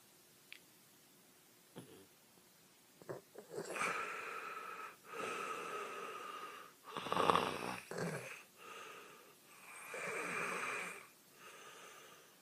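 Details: Obstructive sleep apnea during sleep: a quiet pause in breathing gives way to loud, whistling, strained breaths and gasping for air with snoring.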